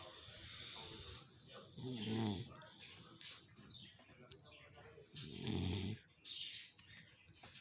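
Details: A father snoring during sleep: loud, rattling snores on each breath in, about every three to four seconds, with hissy breaths between.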